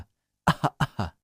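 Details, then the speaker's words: Deliberately forced fake coughs from an adult woman coughing at shoppers in a supermarket, who says she is not sick: two pairs of short cough bursts, not a reflex cough. "by the way how annoying are those fake coughs"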